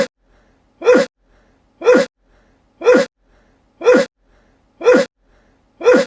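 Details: Six identical sharp sneezes, one each second, separated by silence; repeated sneezing.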